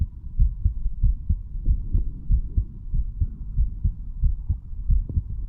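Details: 35-year-old man recording his own heart while standing, across mitral, tricuspid, pulmonary and aortic areas, then the right ventricle area: regular paired low thumps at roughly 90 beats a minute; normal heart sounds.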